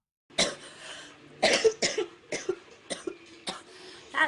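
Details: A run of six or seven short, sharp female (girl) coughs and throat-clearing bursts with brief pauses, taken from collected recordings of girls coughing.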